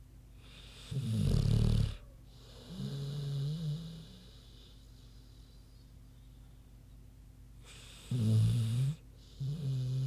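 Two loud, low, rumbling snores on inhalation about six seconds apart, each followed by a softer grunting exhale; a sleeping pig snoring.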